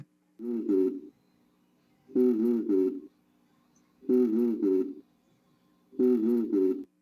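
Four muffled repetitions of a short spoken phrase, with vowels, consonants and word shapes blurred and indistinct through the chest wall. This is normal vocal resonance: healthy air-filled lung transmits the voice only faintly and without clear articulation.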